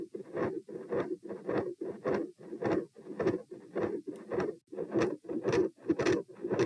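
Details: Heart sounds with a continuous murmur, recorded at position P with the subject standing, part of a same-subject study whose patterns range from very loud to very quiet and from no murmur to an all-encompassing continuous murmur.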